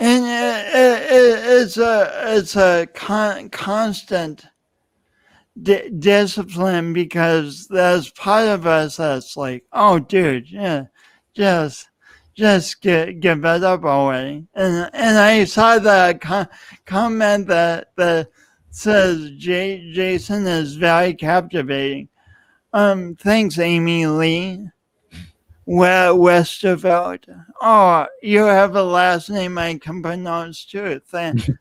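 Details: Adult male speaker; speech disfluency (speech impediment).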